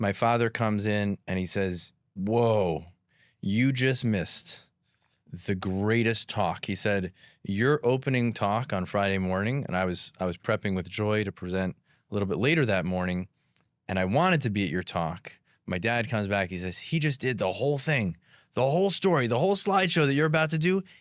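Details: Adult male speaker; typical speech.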